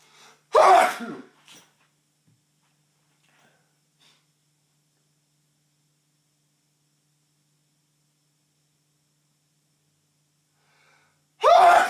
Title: Tickly Nose, Loud Sneeze 1 (M)